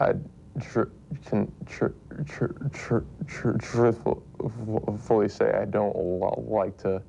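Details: 19-year-old male who has stuttered since he was a toddler, speaking with his SpeechEasy anti-stuttering device removed; repetitions audible; stuttering.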